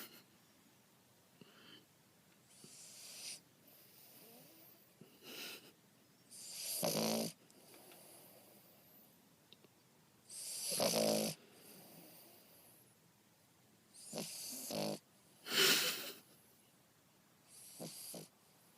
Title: A snoring, smiling pugalier